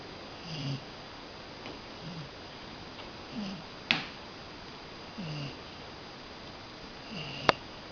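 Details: Sleeping cocker spaniel, tagged as a puppy, snoring: soft, low snorting breath noises recurring irregularly in a quiet room, with a couple of sharp clicks.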